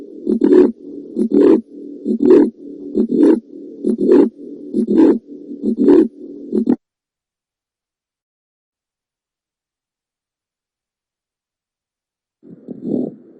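Regular heartbeats at about 67 a minute, with a steady rumbling, whooshing sound filling the gaps between beats. After a few seconds of silence, one more beat is heard. This is a heart murmur, an extra sound from turbulent blood flow through the heart.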